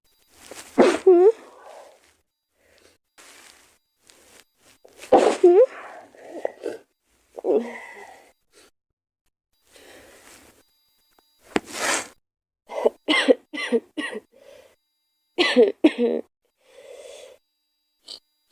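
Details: Several sharp sneezes in a row from a girl, some with a voiced lead-in, separated by short pauses and soft breaths; repeated ordinary sneezing.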